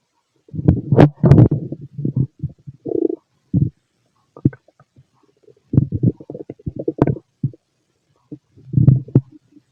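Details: Fit male, stomach auscultated with a stethoscope while digesting pastry, chicken, curry, bread, milk, eggs and pasta; low gurgling rumbles in irregular bursts with quiet gaps; normal bowel sounds.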